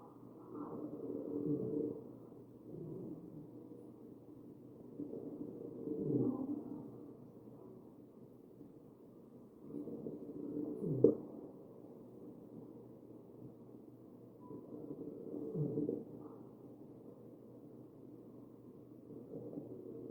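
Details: Wheezing heard over the chest of a real, mechanically ventilated patient.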